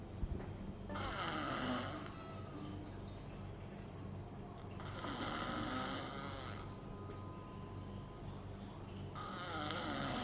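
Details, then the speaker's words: Patient with snoring and apnea during sleep endoscopy; loud, rough rattling snores about three breaths in ten seconds with quieter pauses, from soft palate and tonsil enlargement, enlarged uvula. "Navbatdagi bemorimiz xurroga otish va apnoyi boʻyicha kelgan. Xurga otishini o'zingiz ham koʻrishingiz mumkin."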